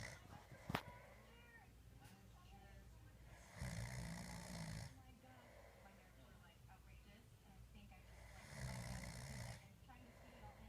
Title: snore 2/2017